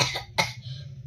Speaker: We cough when our epiglottis closes, when a bacteria or irritant is in our throat. This causes pressure to build in our lungs, and finally it opens, and we do